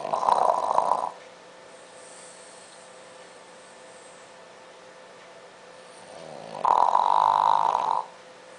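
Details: French Bulldog snoring while asleep, usually with a bone in its mouth: two loud, rough, rattling snores separated by a quiet pause.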